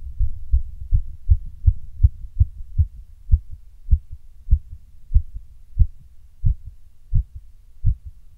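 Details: Heartbeat after caffeine and pushes: steady, strong low thumps at about 80 beats per minute.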